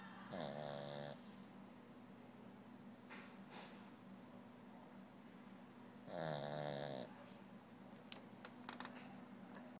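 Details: A woman snoring in sleep without waking herself: two drawn-out, low buzzing snores several seconds apart over steady room hum.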